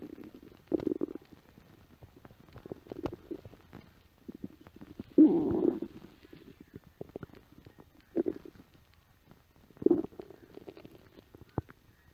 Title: stomach growling on the set of "She Bop"